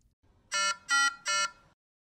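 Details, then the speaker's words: Three-tone high-pitched alarm burst from a Nautilus Smart ECMO module in an animation, signalling that alarm limits were exceeded because oxygen gas flow was disrupted; the alarm clears automatically when gas flow is restored. "the module gives you audio and visual alerts when alarm limits have been exceeded here the oxygen gas flow has been disrupted"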